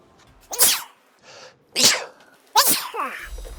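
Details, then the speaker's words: Adult man's daily sneeze attack after lying on the floor and rubbing his nose: three sharp, hissing nasal bursts a second apart with snuffling between; repeated sneezes. "Our daily sneeze attack. Never lay on the floor and then rub your nose with your hand."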